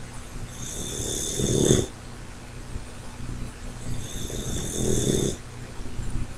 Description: My Dog Snores all the TIME